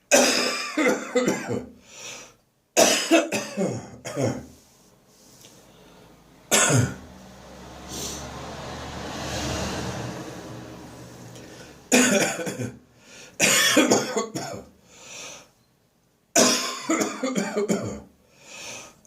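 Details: Persistent morning cough: bursts of harsh coughing with gagging, separated by pauses, with a car passing outside midway; cough that has not gone away.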